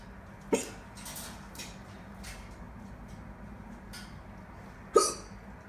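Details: Two sharp, abrupt hiccups about four seconds apart over steady background hiss; ordinary hiccups.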